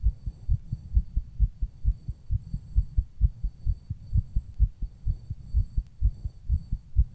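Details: Adult heartbeat recorded while rebreathing from a plastic bag: steady, regular low double thumps with faint background hum.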